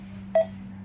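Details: A single short tonal beep from a Primedic DefiMonitor EVO monitor-defibrillator, marking one detected heartbeat from a connected ECG simulator set to about 70 beats per minute.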